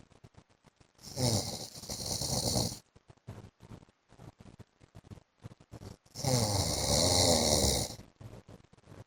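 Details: Adult man (husband) snoring during sleep: two long, harsh, rattling snores with short bursts of faint crackling noise between them.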